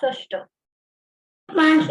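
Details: Child with cleft palate, word sample; noisy turbulent nasal rustle on s and sh; posterior nasal fricative (nasal rustle).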